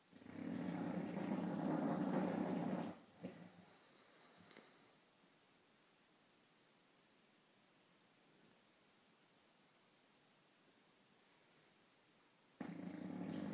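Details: Two loud, rough, fluttering snores on the in-breath, separated by about ten seconds of quiet breathing; snoring.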